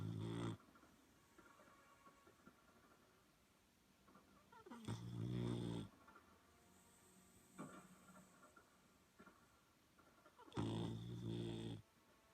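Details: Boxer puppy sleeping after a long day of playing, with low, rumbling snores about every five to six seconds and softer breaths between them.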